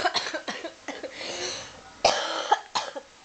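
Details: A coughing fit with a run of six or seven harsh, wet-sounding, productive coughs in quick succession, apparently in a pet.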